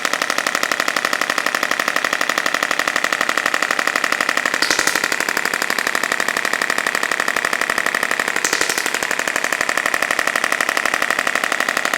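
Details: A radial shockwave therapy device fires loud, regular rattling taps at about four per second during lower back treatment of a woman with over five years of chronic lower back pain, lacking lumbar flexion and with suspected adhesion.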